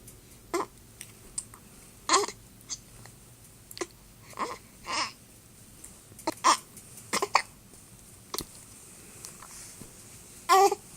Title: Baby hiccups